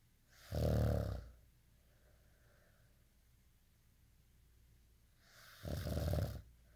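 Two loud, low rumbling snores about five seconds apart, with quiet breathing between them.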